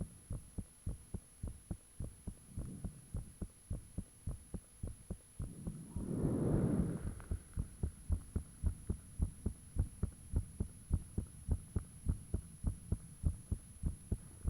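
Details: Self-recorded heartbeat with fan off, taken shortly after the heart began feeling unusually thumpy: steady, strong, slightly fast beats about 105 a minute with a brief rushing noise partway; valve and blood-rushing sounds reportedly audible.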